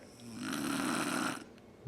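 One rough, buzzing inhaled snore about a second long, recorded close up in a quiet room.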